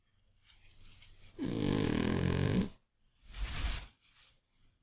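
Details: Old, chubby Scottish Fold cat sleeping: loud, rattling, vibrating snore on breathing in, then a rougher breath out; heavy snoring.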